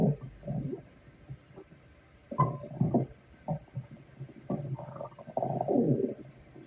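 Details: Stomach growling at work: loud, irregular bursts of gurgling and rumbling, some drawn out for a second or more.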